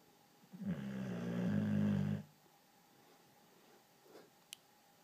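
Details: Female boxer dog snoring while sleeping: one loud, low, rattling snore lasting over a second, then quiet breathing in a still room.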